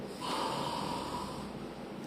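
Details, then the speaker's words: Adult imitates snoring: a rough, fluttering throat rattle held through one breath, demonstrating vibration of the soft tissues of the oropharynx. "Então, o ronco é a vibração dos tecidos moles da orofaringe."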